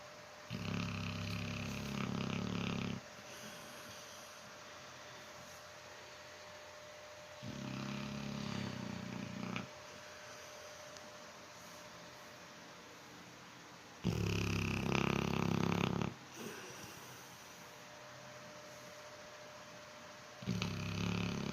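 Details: Sleeping dog snoring: slow rhythmic snores, about five breaths in twenty seconds, each a low rattling inhale over steady room hum; ordinary snoring.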